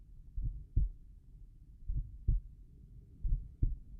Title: Slow tricuspid valve heart sounds